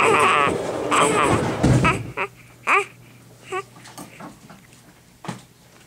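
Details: Infant crying in a few loud, wavering wails, then settling into shorter whimpers and fussing sounds in a small room.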